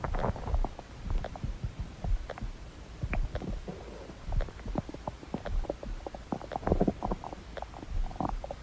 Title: #indonesia Indonesia's cute stomach growl part 2